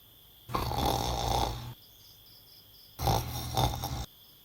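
Two rough, rattling snores on breaths in, separated by a quiet pause, over steady background hum.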